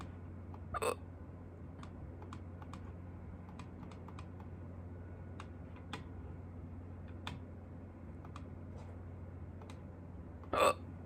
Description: I had hiccups for the first time in a long time, so I shot a video in a hurry!